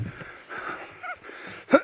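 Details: Adult winded while hauling heavy crabs uphill through dense forest on Vancouver Island, feeling nauseous: heavy, rapid breathing with a brief whistling wheeze on one breath; exertional breathlessness with wheezy breathing.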